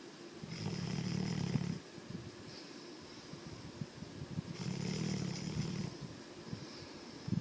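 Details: Sleeping yellow Labrador dog in a small room: two rough, low snoring breaths about four seconds apart with faint hiss between; snoring.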